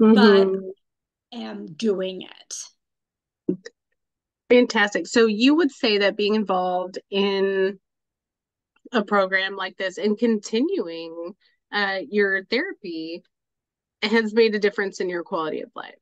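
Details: Adult woman, interviewer; normal fluent speech.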